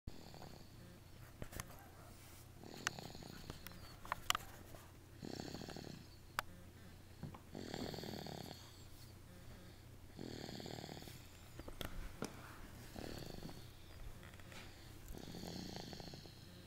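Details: Light snoring: soft, rough snores on each breath in, about every 2.5 seconds, over steady room hum and faint clicks.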